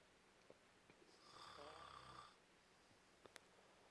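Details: Man who denies snoring, recorded snoring: one long, rattling snore with a whistling edge on an in-breath, then quiet with small clicks.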